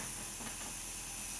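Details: Omron compressor nebulizer running, a steady loud hiss as liquid medicine is turned into mist for inhalation, tested after fitting the accessories.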